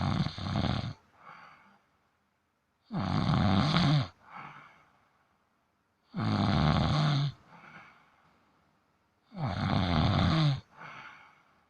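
Loud, rumbling snores about 18 a minute, each a harsh inhalation followed by a softer exhale, from a sleeping cat; snoring.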